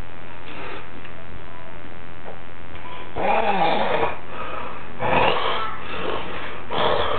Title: A BEAR SNORING